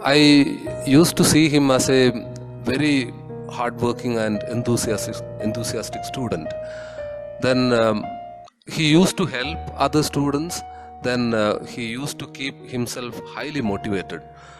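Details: Adult man speaking; ordinary speech.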